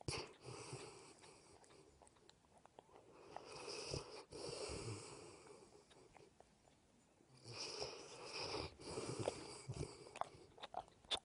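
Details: Rough, rasping snores with snorts and smacking, about three in eleven seconds, recorded close up beside the ear of a sleeping mastiff dog with his head on the pillow: snoring.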